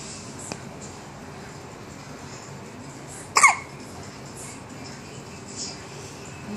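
A single short, sharp catch of breath stands out against quiet room hiss, with a fainter click earlier: an infant's hiccup.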